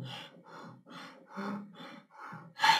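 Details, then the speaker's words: Imitated Kussmaul breathing: rapid, deep, forceful breaths in a steady rhythm, demonstrating the hyperventilation of diabetic ketoacidosis, where acidotic blood with low pH drives breathing to eliminate CO2. "o paciente hiperventila colocar de novo aqui para você ver a minha respiração de kussmaul existe uma hiperventilação"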